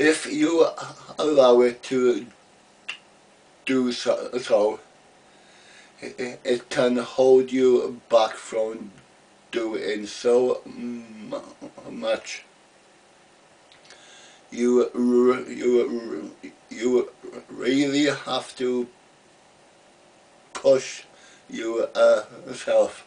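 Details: Adult man who has stammered since about age three, had speech therapy as a boy and used an Edinburgh Masker device; real stuttering.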